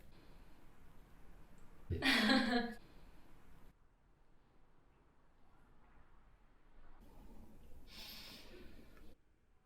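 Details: Single sharp, explosive sneeze from an adult woman in a quiet room, followed later by a softer breathy exhale.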